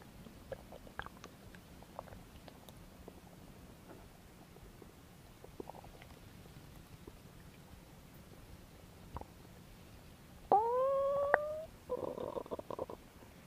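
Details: Belly noises recorded as no-talking ASMR: mostly quiet, then a brief rising tonal gurgle followed by bubbling rumbles; ordinary stomach growling, bowel sounds (borborygmi).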